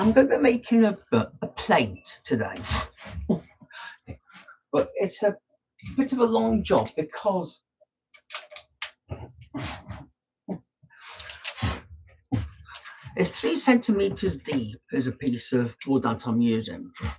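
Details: Man with Tourette syndrome whose speech is interrupted by snorting and laughter tics; vocal tics (Tourette syndrome).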